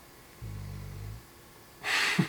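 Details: Rescue pet dog sleeping in an RV in a very quiet remote spot: a low fluttering rumble on the in-breath, then a soft hissing out-breath; dog snoring.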